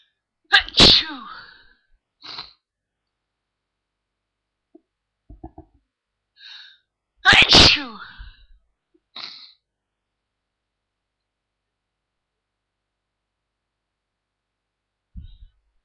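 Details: Morning sneezes followed by a single nose blow: two loud, sharp sneezes from an adult, each with a short breathy tail, separated by quiet pauses; ordinary sneezing.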